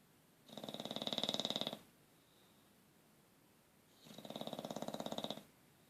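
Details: Snoring: two rhythmic, fluttering, buzzy snores about 3.5 seconds apart in a quiet room.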